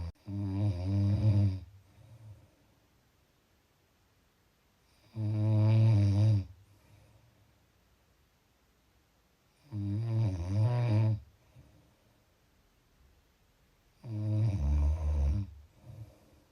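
Loud, low, rattling snores on each breath in, about 13 a minute, separated by quiet pauses; typical snoring.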